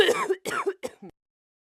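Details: An adult teacher coughs in a comedy clip: four quick voiced coughs, the first two long and throaty, the last two short and fading, in a brief coughing fit.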